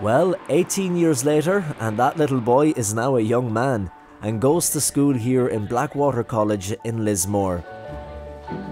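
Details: Adult male narrator; normal speech.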